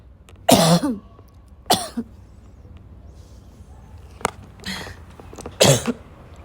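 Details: Afternoon coughing fit in a girl that starts weak and grows violent: several loud, harsh coughs with throat clearing between them over steady room noise, becoming more forceful.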